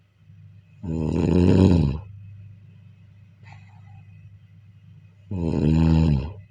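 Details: Snoring during sleep: two long, deep, vibrating snores on breaths in, about four seconds apart, over a steady room hum.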